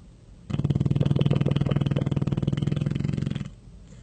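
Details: A sleeping animal snoring: one sustained, buzzing, fluttering, low-pitched inhalation lasting about three seconds.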